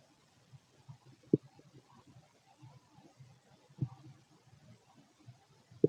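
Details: Male stomach noises while digesting food: faint irregular low gurgles with a few sharp pops, normal bowel sounds (borborygmi).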